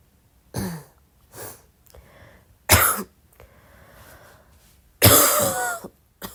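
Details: Several short, soft coughs and throat-clearing bursts separated by quiet breathing pauses in a quiet room at midnight.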